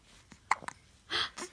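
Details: Infant girl with hiccups: small, sudden catching sounds followed by soft voiced breaths.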